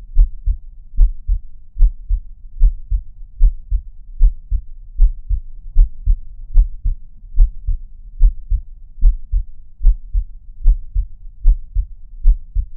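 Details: Steady, regular normal heartbeat at about 74 beats a minute, each beat a low paired lub-dub thump.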